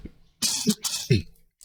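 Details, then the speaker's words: Adult man with multiple system atrophy, frequent pneumonia and cough lasting months, two short harsh coughs while using cough drops, after a pulmonologist visit. "I apologize I've been coughing for months too so cough drops are kind of helping out"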